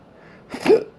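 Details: An adult with intractable hiccups since December 2015, recorded October 27, 2019, also with breathing and choking spasms, cause undiagnosed: hiccups every 1-3 seconds; here a single abrupt voiced hiccup with a sharp catch.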